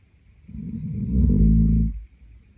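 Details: Adult man snoring in sleep: one deep, loud, rumbling snore on a breath in, rising and fading over about a second and a half.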